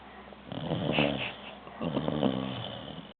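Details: Rough, rattling snoring breaths in a quiet room, possibly a dog (owner jokes "is she human or dog?"); snoring.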